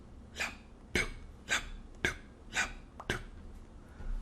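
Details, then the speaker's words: Imitated normal single second heart sound: evenly spaced, crisp single beats with no audible split, as aortic and pulmonic valve closure differ too minutely to be heard separately. "normally there is a slight time variation between the closure of the aortic represented here in red and the pulmonic vowels but it is so minute we may just hear it as"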